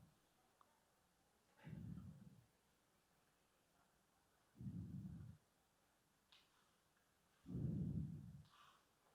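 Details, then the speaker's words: Korotkoff sounds, three soft low thuds about three seconds apart, heard by stethoscope as the cuff deflates from 150; the first sound is at 120 and they disappear at 90, giving a blood pressure of 120/90 mmHg. "Setelah dia dapat angka 150 kita turunkan secara perlahan sambil mendengarkan bunyi pertama yang kita dengar di telinga kita nah pasien ini kita dengar bunyi pertama di 120 maka turunkan pelan-pelan Sampai bunyi itu"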